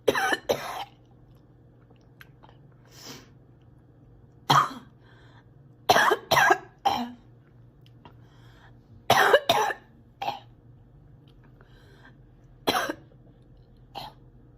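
Repeated harsh coughs, often in pairs, about a dozen over fifteen seconds, with some throat clearing.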